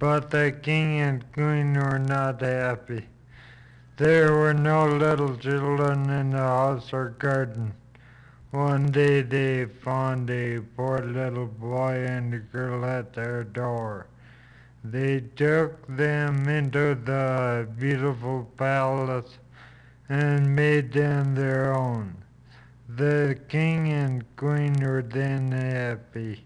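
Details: Flaccid dysarthria in a speaker reading a passage aloud, speech noted as slow and hard to understand.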